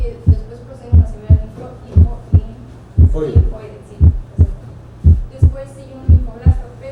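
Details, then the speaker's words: Regular heartbeat about 58/min at the sternal border: first sound split into a softer first component followed by a higher-pitched, louder second component, mitral closing before tricuspid; normal split first heart sound. "junto al esternón, el desdoblamiento consiste en un primer componente menos intenso, seguido de un segundo componente algo más agudo y de mayor intensidad."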